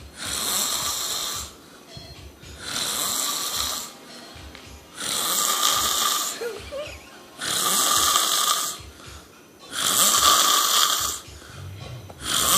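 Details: Regular loud, harsh snores at about 25 per minute with quieter breaths between, from a sleeper who dozed off seconds after a phone call, with music in the background; snoring.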